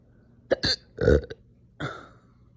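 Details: Slow but very aggressive, painful hiccup-burps after breakfast: several abrupt, forceful belching sounds with sharp onsets in quick succession; hiccups with burping.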